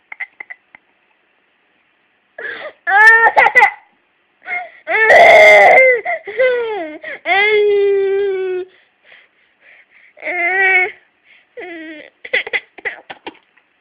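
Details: An infant whimpers and cries in short bursts, broken by brief catches from hiccups; infant cry with hiccups.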